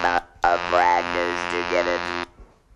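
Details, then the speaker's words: Person after laryngectomy (voice box removed) speaking with an electrolarynx device; flat, buzzing mechanical voice of steady pitch shaping words: electrolarynx speech. "an electro larynx is another commonly used device it takes a while to"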